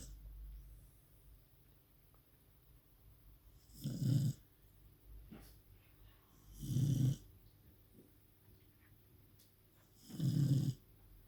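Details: Female dog asleep, snoring very loud: three deep, rumbling snores about every three seconds in a quiet room; regular sleep snoring.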